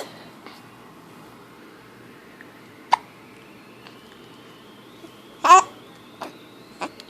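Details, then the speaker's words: Baby with hiccups while being talked to by mother: a few short, abrupt hiccup sounds at irregular intervals in a quiet room, with soft background sounds between. "got hiccups her can't talk yeah hiccups yeah"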